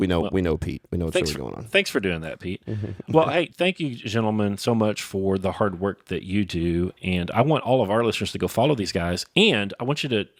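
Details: Adult male speaker; ordinary speech.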